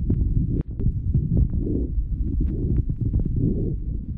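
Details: 10-month-old girl with bronchopneumonia: fast breathing with fine crackles, occasional coarse rhonchi and harsh bronchial breath sounds.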